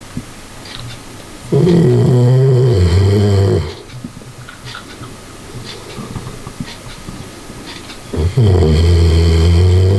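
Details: A sleeping dog snoring: two long, loud, rumbling snores with quiet breathing between them.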